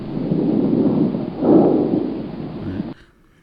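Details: Soft, rushing breath noise on chest auscultation, inhalation and exhalation of similar length with no clear gap between them: normal bronchovesicular breath sounds.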